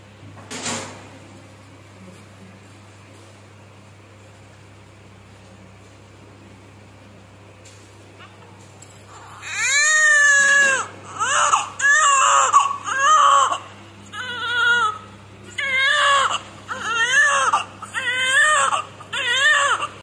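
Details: Newborn boy right after cesarean birth at 39 weeks, around umbilical cord clamping and cutting: after a quiet stretch, rhythmic, high-pitched crying begins, about seven cries in ten seconds; a newborn's first cry.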